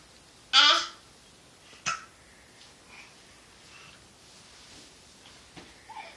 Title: klw 20150403 hiccups